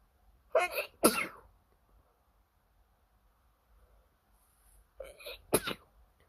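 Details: Late-night sneezing fit from an itchy nose: two rounds of sneezes, each a quick pair of sharp, breathy bursts, in a quiet room.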